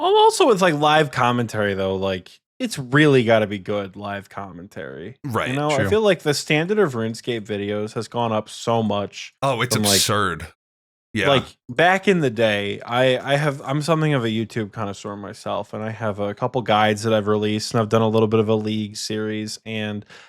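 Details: Adult men in conversation; Ordinary conversational speech.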